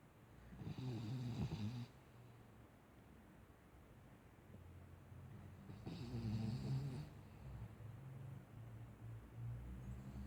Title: Cavalier snoring